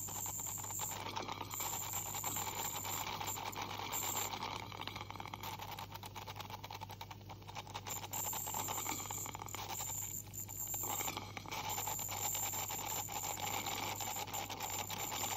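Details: Ultrasonic scaler used by a dental hygienist on a 44-year-old woman's teeth with heavy plaque and tartar: continuous high-pitched hiss and buzzing with watery spray and rattling over a low hum.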